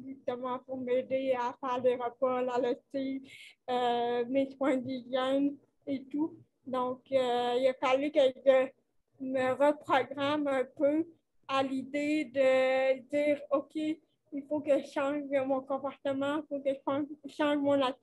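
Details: Dysarthria associated with cerebral palsy caused by lack of oxygen at birth, in a 29-year-old woman who appears to mention speech difficulties.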